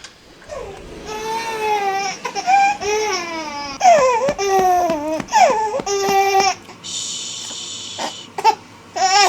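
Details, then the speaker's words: 12-week-old baby boy, a chronic 30-minute napper, fussing and crying in short rising wails with pauses after waking early from a nap, during crib-side soothing attempts in sleep training. "after about the fourth time of going in there and trying to soothe him cribs side I just gave up because he was was crying really hard so I picked him up"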